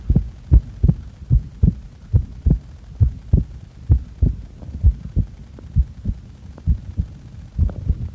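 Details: Heart recorded during breath-holds after inhaling and after exhaling: steady paired low thumps at about 67 beats a minute; normal heart sounds.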